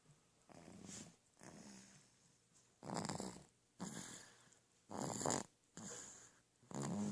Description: Some people say he looks like me, but if there's one thing he got from his mother, it's his ability to snore like a bear.